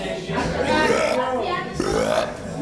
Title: some burps